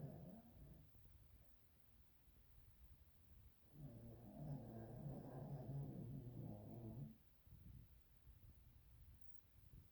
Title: Simba Snoring